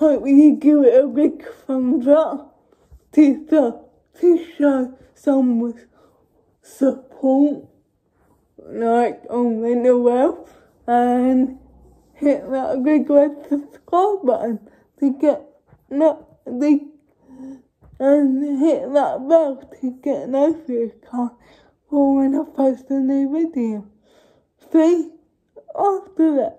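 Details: Adult woman with cerebral palsy speaking to camera; dysarthria (cerebral palsy).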